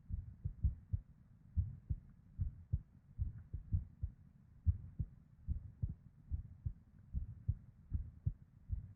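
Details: Irregular heartbeat in a female: low, dull beats with uneven spacing, early extra beats (PVCs/ectopics), and a soft whooshing blood-flow murmur between beats.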